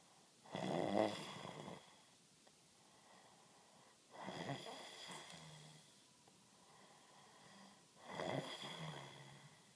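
Three rough, rattling snores on breathing in, about four seconds apart, with soft breathing out between; typical sleep snoring.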